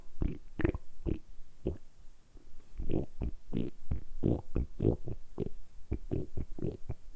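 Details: Repeated low gurgling and rumbling bursts from a man's abdomen, recorded close up, deliberately produced for ASMR; normal stomach rumbling, borborygmi.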